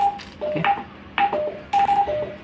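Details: Short paired electronic beeps as keys are pressed on a Uniwer UMS A12 multiparameter patient monitor (ECG, SpO2, NIBP, respiration, temperature), switching screens to trend graphs, in a small room.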